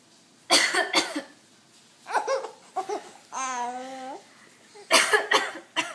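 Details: Several short adult coughs from a mother, with her 3-month-old baby boy's gleeful laugh in between; cough.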